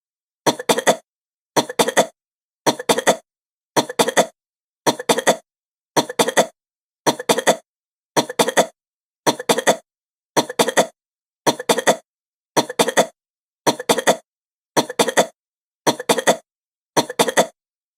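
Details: Sound-effect recording of an adult woman's fast, short, repeated coughs, about sixteen evenly spaced bursts in silence.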